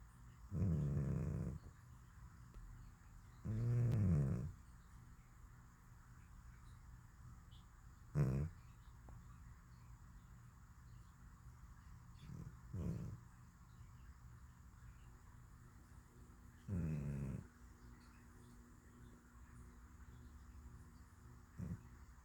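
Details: Cat snoring in deep sleep: low, rumbling snores recur every few seconds with quiet pauses between them.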